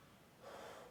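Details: Pulmonary exam demonstration: a brief, breathy hiss of air blown out through narrowed lips, imitating pursed-lip breathing.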